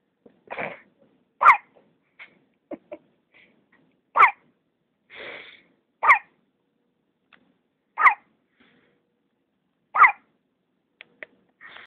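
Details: Newborn girl who had pulmonary hypertension, days after coming off ventilators, has violent hiccups, about one sharp catch every two seconds with small breathy sounds between; her daily hiccups were strong enough to set off ventilator alarms.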